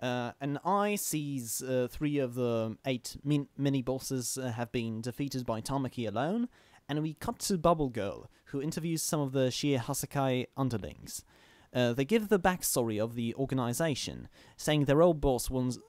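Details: Adult man who stammers, recording while standing to reduce stomach muscle tension; stammering (stuttering).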